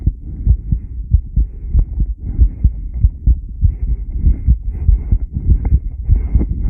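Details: Heart sounds of a subject during rebreathing, 10-lead recording.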